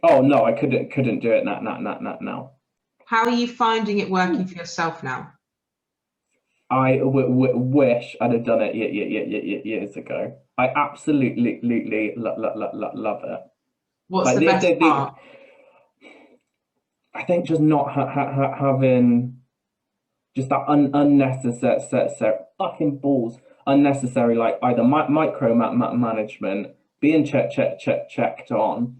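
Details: Man with Tourette syndrome whose tics are involuntary swearing and blurted phrases mid-sentence, who also has a stammer that worsens under stress; vocal tics with coprolalia (Tourette syndrome).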